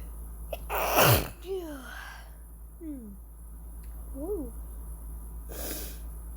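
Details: Person's deliberately induced sneezes: a forceful sneeze, brief squeaky breathy sounds, then a second softer sneeze-like burst.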